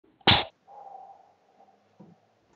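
One sharp, explosive sneeze followed by soft snuffling sounds.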